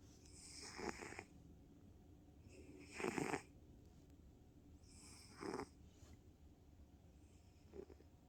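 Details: Sleepy female tabby cat snoring: soft rhythmic snores, about four in eight seconds with quiet gaps between; ordinary snoring.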